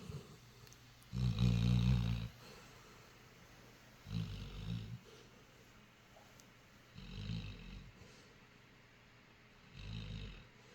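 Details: A sleeping dog snoring: low, rumbling snores with each breath, about four over ten seconds, with quiet room noise between them.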